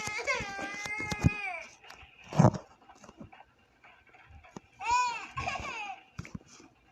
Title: #the#baby#in#yellow#crying#sound#effect